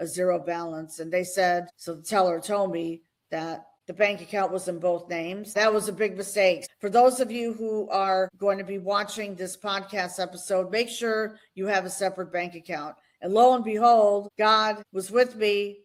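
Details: Adult woman speaking; normal speech.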